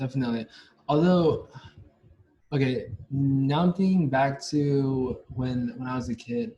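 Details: Stuttering in a young adult male university senior, onset at about age five or six, with blocks; his biological father and maternal grandfather also stutter.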